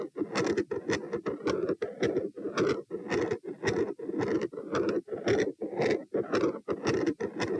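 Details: Stethoscope heart sounds recorded at position P with the subject standing, one of three standing pattern examples from the same subject: steady, rhythmic thudding heart sounds with a scratchy edge.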